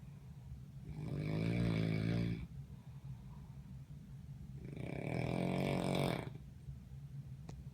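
Two long, rattling snores with quiet breaths between, a slow regular snoring rhythm.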